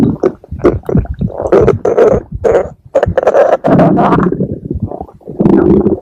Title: stomach growling (Reuplaoded)